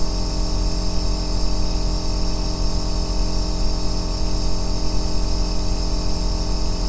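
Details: Even, deep buzzing hum with soft hiss and no breaks, from an aerosol nebulizer compressor running steadily, recorded as a 2-hour ASMR white-noise track for sleep and relaxation.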